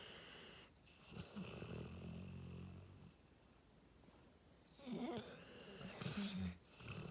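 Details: Loud, rough, rattling snores with a whistling edge from a sleeping dog, two long breaths in a few seconds: very loud dog snoring.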